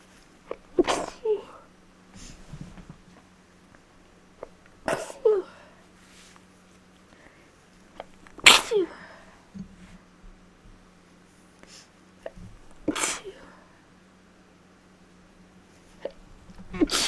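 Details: Person who thinks they are getting sick, sneezes more rapid than normal, labelled allergic: four forceful, sharp explosive sneezes in about 17 seconds, faint room hum; allergic sneezing.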